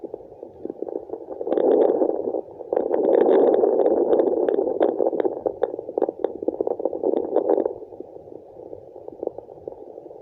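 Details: Placental blood flow sound heard on a fetal Doppler.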